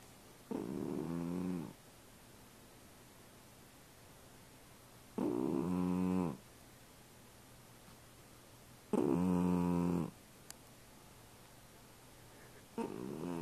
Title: my snoring cat